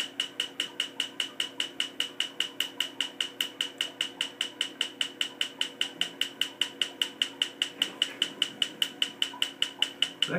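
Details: Laser tattoo removal in progress: very regular snapping pulses, about 150 a minute, over a steady machine hum, as the laser fires.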